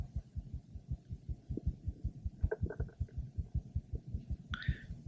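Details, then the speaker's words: 28-year-old woman, seven months pregnant, stethoscope over her abdomen: normal fetal heart sounds, rapid regular soft paired first and second sounds at about 130 per minute. "these are the normal fetal heart sounds of her unborn baby we hear both a first and a second heart sound and the heart rate is approximately 130"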